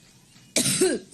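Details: Adult woman, a public figure, gives a single loud, harsh cough within a longer violent coughing spell while speaking at a rally in Cleveland, after a brief quiet pause; she attributes it to an allergic reaction. Cough.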